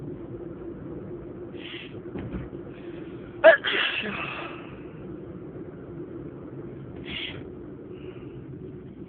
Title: Today I'm sneezing a lot!